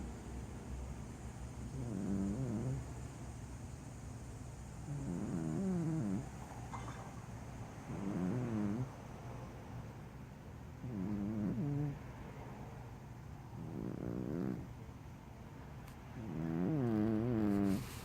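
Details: A tucked-in sleeping cat gives soft, purring, rattly snores, about six over 18 seconds, roughly 20 breaths a minute; snoring.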